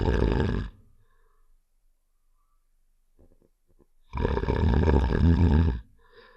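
Two loud, deep, rattling snores separated by a quiet pause; game snoring sound effect.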